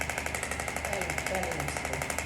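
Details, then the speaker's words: Radial pressure wave (EPAT) device at 2 bar, setting 12, moved up and down the forearm over the median nerve to treat carpal tunnel syndrome: rapid, regular clicking pulses, about a dozen a second. "noticeable we're still getting radial pressure waves internet as we go over the median nerve we're definitely working over that carpal tunnel"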